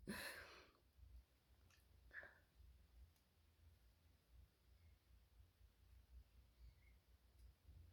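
One loud, sharp sneeze at the start, then a smaller snort, fading into quiet breathing over low background rumble.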